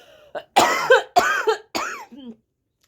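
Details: Coughing fit in an adult woman who nearly choked after a failed imitation: three harsh, wet coughing bursts in quick succession, with a short throat noise before and a fading rasp after.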